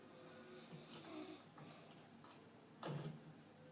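Rough, rattling snores during sleep, with one louder snort near the end; ordinary snoring.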